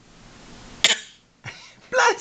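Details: Child doing a fake sneeze on cue for his father after hearing 'bless you': short, sharp, acted-out bursts of air, not a true sneeze; fake sneeze.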